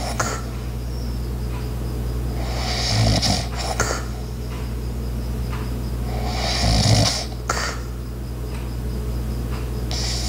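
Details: Light, steady snoring from a sleeping adult over a constant low hum, with ice maker, clock and footstep household sounds in the background.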